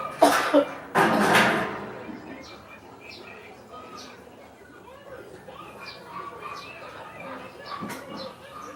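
Two harsh coughs, one a quick double burst, then quieter background with faint voices; a forceful cough.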